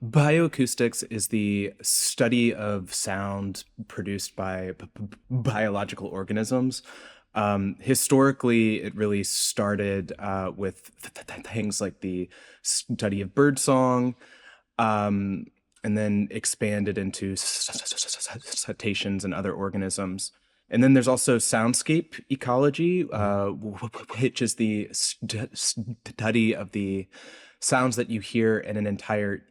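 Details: Adult male researcher who self-reports a speech impediment heard throughout his interview; speech impediment.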